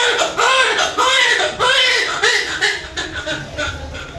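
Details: Newborn's strong, high-pitched rhythmic crying bursts just after a normal vaginal delivery, a vigorous normal first cry.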